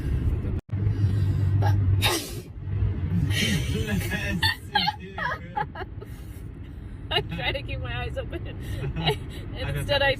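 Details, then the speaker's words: Single uncovered open-mouth sneeze while doing makeup in a car, then voices and car and road noise; an ordinary sneeze. "this is why I hate doing my makeup in the car oh no I have to sneeze dang it I always sneeze when I do"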